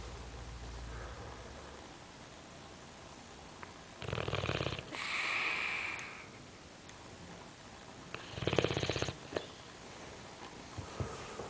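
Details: A sleeping boxer dog snores: two rattling inhaled snores, each followed by a breathy, whistling exhale, over steady room noise.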